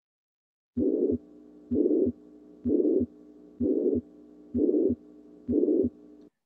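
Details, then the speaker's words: Teaching recording of the pansystolic murmur of mitral regurgitation: a regular heartbeat of about 64 a minute with a steady murmur of even intensity and single tone, filling all of systole from the first to the second heart sound. "this is a typical murmur of mitral valve regurgitation very different from aortic stenosis in the sense it's pan systolic with a single level of tonation not like the crescendo the intensity is about the same and extends all the way from the first to the second heart sound"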